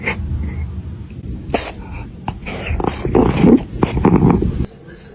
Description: Tiny sneezes, giant reactions — a charming ranking of cats sneezing caught on camera.